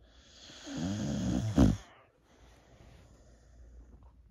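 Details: Old female Boxer dog named Kandy, feeling a little down, sleeping: one low, rattling snore on the in-breath ending in a short snort, then quiet breathing; snoring.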